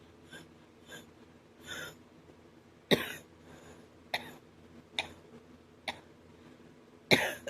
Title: man wow a little breaking cough ouch it hurts my chest and throat